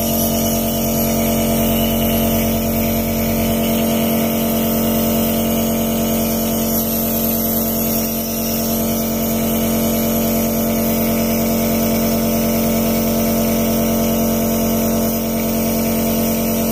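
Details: Nebulizer compressor switched on at the machine and then at the wall plug, running: a steady loud mechanical buzz with a rapid regular pulse and a constant hum.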